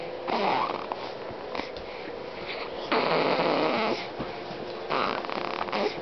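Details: 4-week-old baby girl; rough, noisy breathing sounds repeating roughly every two seconds with each breath; infant snoring.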